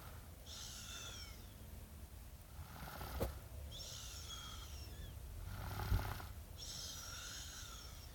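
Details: Snoring: repeated noisy, rough, fluttering breaths in and out, about one every 3 seconds.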